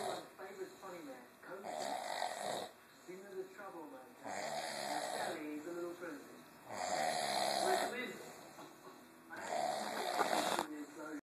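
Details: Sleeping gorilla snoring: deep, rumbling snores recurring about every two and a half seconds, roughly 23 breaths per minute; phone recording.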